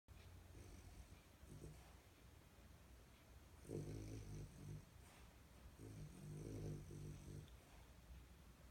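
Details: Snoring during sleep, owner wonders if dreaming: low, rumbling snores over a quiet room hum.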